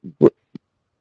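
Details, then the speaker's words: Adult man's hiccups that came on suddenly while talking: brief, abrupt voiced catches in a quiet room. "damn it i got hiccups y'all geographically actually hearing the hiccups you hear them they just came on it just came out of nowhere"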